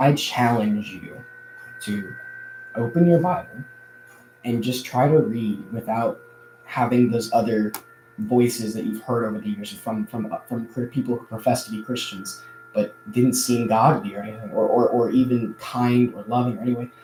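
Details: Adult male who says he stutters a lot more now than in the past; audible word repetitions; stuttering.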